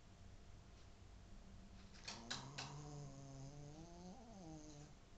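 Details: Sleeping, dreaming Shih Tzu dog: quiet room noise, then a few soft snorts and a drawn-out nasal snoring tone; snoring.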